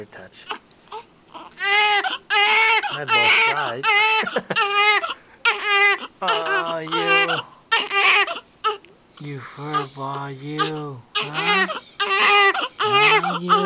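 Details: Newborn on its first day of life crying in rhythmic, high-pitched short bursts, with an adult speaking softly in Vietnamese and English alongside; normal newborn cry.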